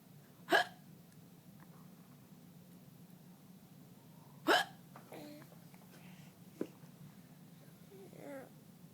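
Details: Two sharp, abrupt hiccups about four seconds apart, with faint voice sounds between them over a low room hum; hiccups.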